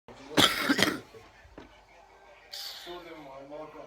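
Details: An adult gives two quick, harsh coughs in a row, with faint voices in a small room.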